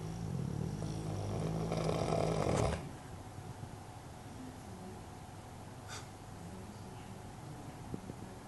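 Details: Sleeping dog giving one loud, low, rattling snore of nearly three seconds, then quiet breathing.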